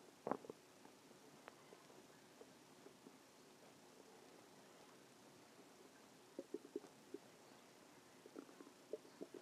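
Quiet room with scattered soft gurgles and brief bubbling pops from the belly, typical ordinary stomach growling.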